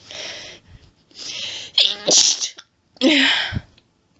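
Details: Woman's allergic sneezing fit: hitching breaths building up into a rapid run of forceful sneezes, about four in a few seconds.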